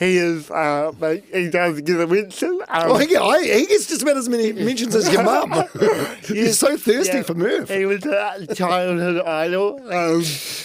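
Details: Adult podcast hosts in conversation; typical speech.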